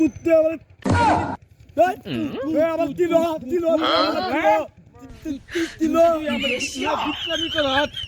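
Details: Acted stuttering imitation by two performers in a Bengali comedy skit. Stuttering (acted).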